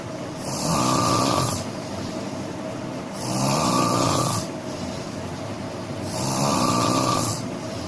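Loud, rough snores on each breath in, about 21 a minute, over steady room noise: ordinary snoring.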